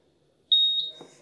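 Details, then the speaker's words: Tafonius Junior large animal ventilator during self-test: single clear high-pitched electronic beep as the piston reaches the bottom and resets, before the leak test prompt. "the Piston is now going to the bottom once it gets to the bottom it's going to reset itself I'm going to get a beep there we go"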